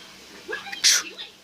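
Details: Person sneezing with eyes open: a short breathy intake, then a single sharp hissing sneeze burst.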